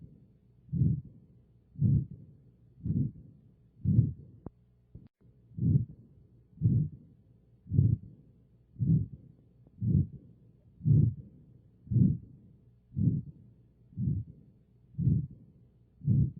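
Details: Stethoscope recording of aortic regurgitation: regular low heartbeats near 58 a minute, each followed by a soft blowing murmur.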